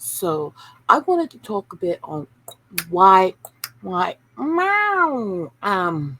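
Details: Tourette syndrome in an adult woman who reports brain issues from childhood seizures and inability to filter speech. An involuntary 'wow' interjection vocal tic occurs mid-sentence.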